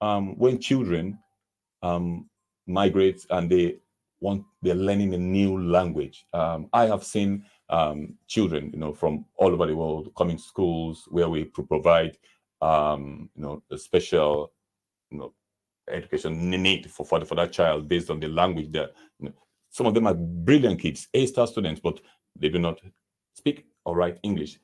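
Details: Adult man who stammers, with a mother and two sisters who also stammer; stammering (stuttering).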